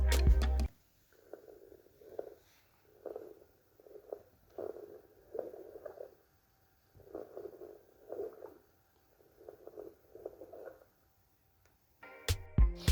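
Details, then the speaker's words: Repeated low-pitched bubbling bursts with each inhalation, produced by abundant secretions in the proximal airways and often audible without a stethoscope: coarse crackles (rales). "podemos escuchar son ruidos de burbujeo de baja tonalidad producidos por la presencia de abundantes secreciones en la vía aérea próximos que se pueden oír habitualmente sin con endoscopios"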